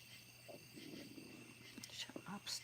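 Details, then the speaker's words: A faint, wavering low gurgle and rumble, then a few soft squelches, from the speaker's own stomach while talking; stomach growling (borborygmi). "that was my stomach guys making all that noise"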